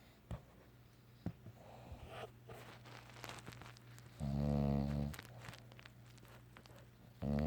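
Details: Bulldog snoring and dreaming during an afternoon nap: deep, buzzing snorts about a second long, with quiet twitchy breathing and small sounds between them.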